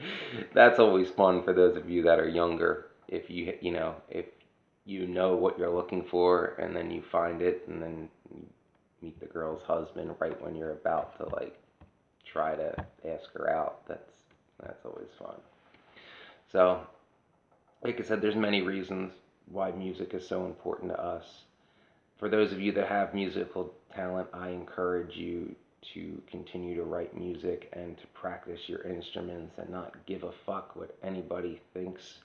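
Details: Adult woman whose voice changed after laryngitis in 2009, unable to sing for over a decade since; dysphonia.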